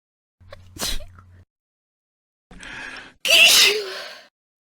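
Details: A quick indrawn breath and a softer sneeze-like burst, then a loud, sharp, hissing sneeze, from a sneeze compilation; an ordinary sneeze.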